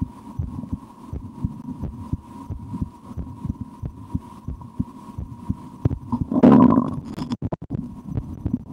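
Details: Person listening to their own heart through a stethoscope at rest after lunch, at times holding breath or trying to raise the heart rate: soft, regular heartbeat thumps with a steady hum and a brief rustle; normal heart sounds.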